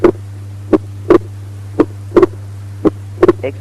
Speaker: Normal heart sounds in the pulmonary area with splitting of S2 during inspiration.